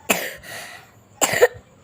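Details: Two short, sharp coughs about a second apart, each a harsh burst of air with a quick throaty finish. Cough.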